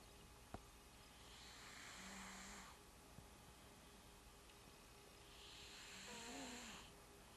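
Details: Sleeping cat snoring while dreaming: faint breathy snores, two slow breaths with a soft whistling note, over steady room hiss; ordinary sleep snoring.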